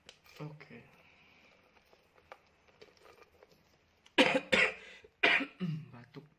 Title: Biar batuk tetep fokus | jualan